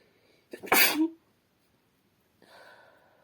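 One sharp sneeze with a quick indrawn breath before it, muffled slightly at the end, then a soft breath.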